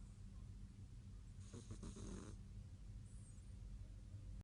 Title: cat snoring so loud